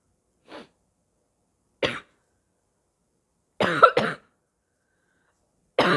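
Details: Sick person: five short, harsh coughs in separate bursts, one quick double, in a quiet room, a hoarse barking cough with gagging and spitting; barking cough.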